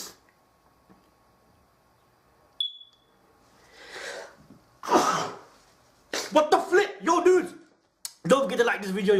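A drawn-in breath, then one sharp sneeze, followed by talking in a small room.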